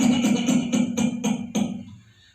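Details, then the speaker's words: A doctor imitates a rapid run of about seven short, dry, hacking coughs, typical of alveolar or interstitial inflammation as in pulmonary fibrosis, pneumonia, pulmonary edema or interstitial lung disease. "this is the typical sound produced whenever there is the inflammation in the alveoli or the surrounding tissue."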